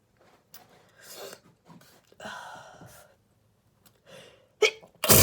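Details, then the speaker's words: Allergic sneezing fit on Christmas morning, which the person attributes to an allergy to flowers received for Christmas: several quick sneezes with gasping inhalations in close succession, ending in a loud burst. "um i'm having some random allergic reaction that's like random i know what it is i got some flowers for christmas and even i'm allergic"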